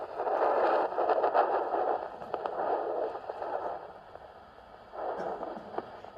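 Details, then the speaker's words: Handheld Doppler slightly further down the calf, during evaluation for sclerotherapy: soft whooshing flow rising and fading in waves from the small saphenous vein, patent and competent. "I'm pretty sure that's the smallest Venus when Judy's got a Roger turned out later shul yes that's a small Sabinas okay"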